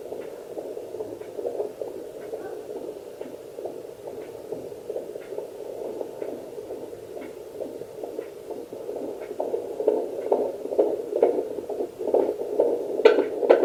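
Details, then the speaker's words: Fetal heartbeat heard on a handheld home fetal Doppler (2 MHz probe, with gel): rapid, regular whooshing pulses, with the display reading 141 beats per minute. Normal fetal heartbeat. "see these reading 141 I don't know if you can hear that's how I check happy make sure it's still going regularly"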